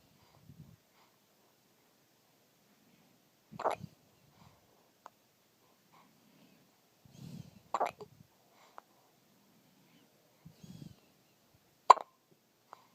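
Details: Baby hiccuping in a quiet room: three sharp, brief hiccup bursts about four seconds apart, each with a soft breathy sound around it; infant hiccups.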